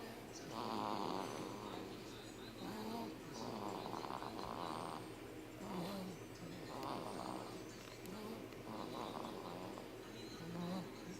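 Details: Soft rhythmic snoring, about 11 breaths a minute, recorded May 11, 2013, with a steady low room hum behind it; snoring.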